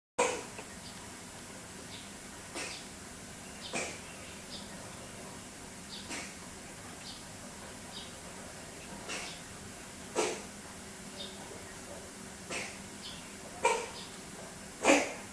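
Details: A female pet cat gives a series of short, soft, dry hacking coughs at irregular intervals over quiet room noise.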